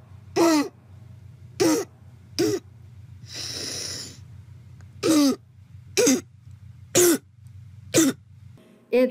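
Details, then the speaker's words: A boy with croup gives repeated harsh, hoarse, deep, seal-like barking coughs from inflammation around the larynx and trachea. "So here's the sound of a boy that has croup, and I can truly picture a seal at one of these animal shows making this particular noise."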